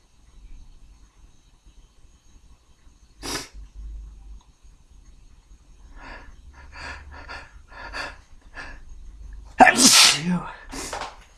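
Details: Sneezes triggered by a tickle after drinking beer: one sneeze, then quick catching breaths leading into a second, louder explosive sneeze; ordinary sneezing.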